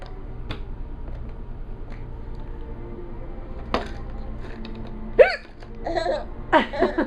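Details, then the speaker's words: Mother with hiccups she can't get rid of: several abrupt, sharp vocal catches amid room noise and a laughing child. "Hey. Does mommy have the hiccups? Do you think it's funny?"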